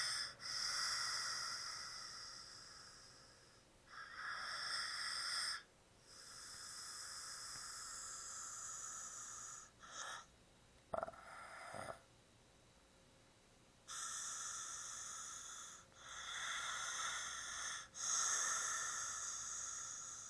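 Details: Sleeping man snoring: long, hissing, rasping breaths recurring every few seconds.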